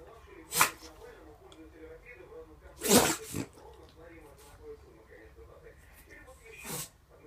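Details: A bulldog sneezes loudly three times, sharply, with soft grunting, snuffling and huffing between the sneezes.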